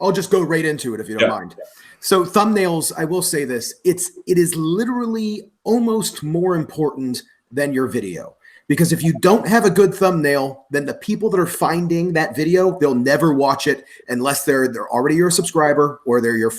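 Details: Adult man speaking; typical speech.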